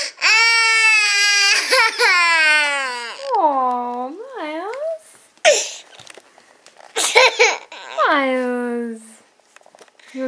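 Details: Infant crying, bottom lip rolled out: sustained high-pitched wailing broken by gasping breaths and whimpers, with brief soft sounds between bouts.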